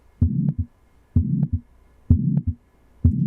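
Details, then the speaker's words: Adult male with a heart murmur (mitral regurgitation) who was initially told he needed open heart surgery: regular heartbeat near 64 a minute with a whooshing murmur filling the gap between first and second sounds. "heart doesn't sound like that he has something called a murmur heart sounds something like"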